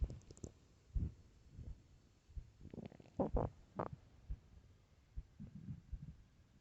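Soft, irregular gurgles and low rumbles with a few brief squeaky bursts. Ordinary stomach growling on an empty stomach.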